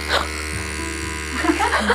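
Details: Steady low electric motor buzz of a running nasal aspirator being tried by children aged about three to five, with children's voices and music in the background.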